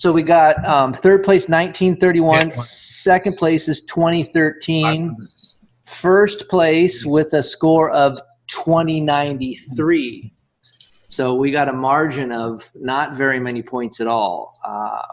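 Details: Adult speaker; normal voice.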